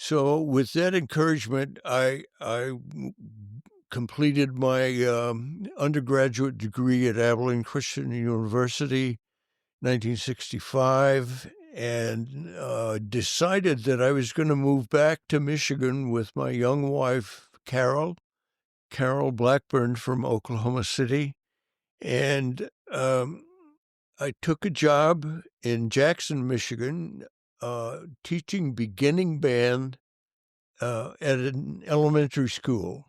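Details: Adult male band director who has stuttered since childhood, severe when very young and for many years, and still stutters: stuttering.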